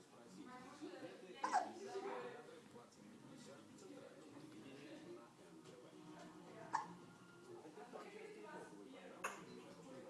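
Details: Three short, sharp hiccups several seconds apart with soft baby noises in a quiet room, from a 10-week-old infant; ordinary infant hiccups.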